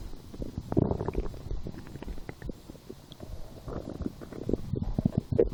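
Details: Person lying down, hungry after skipping breakfast, a small lunch, then two doughnuts four hours later: continuous low gurgling and rumbling with bubbly pops; stomach growling (borborygmi).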